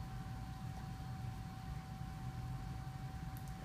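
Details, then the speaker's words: Early first pregnancy on ultrasound Doppler, with a small embryo and a yolk sac seen: rapid, muffled, whooshing pulses over a low hum and a faint tone. This is a normal fetal heartbeat measured at 167 beats a minute. "Heartbeat's at 167, yeah, which is perfectly fine. So baby's heartbeats are always way faster than ours are, so."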